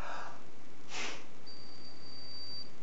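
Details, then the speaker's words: A short, forceful breath out into a PiKo-1 peak flow meter, then a long, steady beep: the meter's error flag because the exhalation was too short for the one-second (FEV1) measurement. "and you can hear a change in the beep it's a longer beep and you'll uh you can see that the number has an exclamation mark behind it so the machine has flagged that as something that we haven't done quite right"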